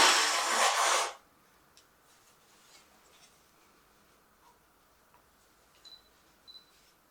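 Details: A single loud, hissing burst of about one second, consistent with one sneeze, then near silence.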